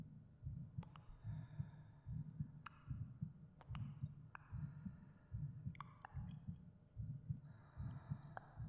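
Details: Recorded heartbeat in a binaural ASMR meditation: steady low thumps at about 74 beats a minute with faint breathing and soft cave ambient effects; normal heartbeat.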